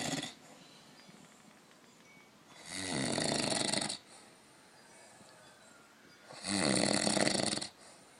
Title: Old man snoring